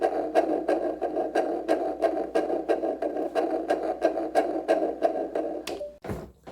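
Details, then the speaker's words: Normal fetal heart rate on the baby's first ultrasound, measured at 165 beats per minute: a rapid, regular whooshing fetal heartbeat. "all right so that sound that you just heard was baby c's heartbeat during his first ultrasound and what you're going to hear the doctor say is that the heartbeat was at 165 beats per minute"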